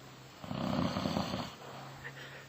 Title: RONQUIDOS - Los Mejores Audios de WhatsApp